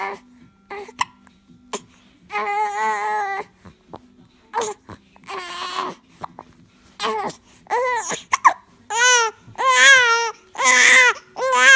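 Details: Infant hiccupping: short, sharp hiccup sounds, then fussy, whimpering cries between them from frustration.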